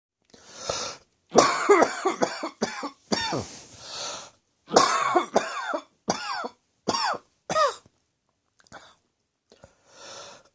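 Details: Adult choking and coughing after spices from an Indian takeaway curry, eaten after an evening of beer, caught the back of the throat: a harsh, gagging coughing fit in clusters with noisy gasping breaths between.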